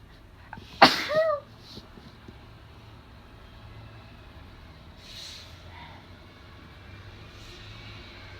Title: Loud allergy sneezes